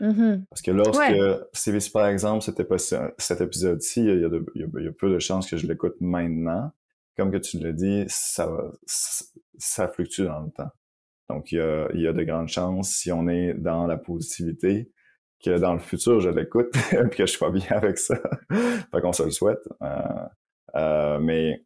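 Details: Adult man who stutters, real speech, who mentions hearing himself block while speaking; stuttering.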